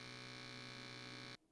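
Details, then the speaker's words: A Withings BPM Connect digital upper-arm blood pressure cuff inflating, with a steady electric pump whine that stops abruptly. "and then you just press the button and it says blood pressure so BP press it again and there it is it's getting tight in my"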